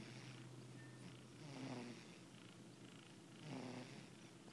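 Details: Soft rhythmic snoring from a sleeping cat after feeding, about two snores in 4.5 seconds, with a faint purr-like rumble underneath.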